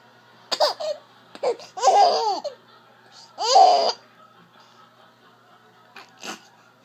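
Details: Baby's sudden, sharp squeaky hiccups breaking into bouts of giggling laughter in a quiet room: hiccups during laughter.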